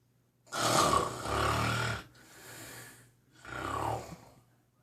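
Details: Heavy snoring in a sleeping animal (Franz) looking like a walrus gasping for air: loud, rough, rumbling breaths with a gasping quality separated by short pauses.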